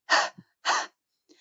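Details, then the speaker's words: Seated person takes a deeper-than-usual breath through the mouth, then expels it in three forceful, breathy cough bursts: a controlled cough exercise to clear mucus during lung infection. "Ağızdan öncekinden daha derin bir nefes alıyoruz. Sonra üç kerede bunu öksürerek veriyoruz."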